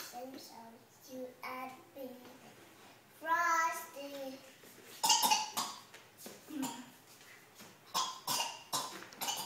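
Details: Young child singing "Frosty the Snowman" in a high voice breaks off into several sharp, noisy coughs.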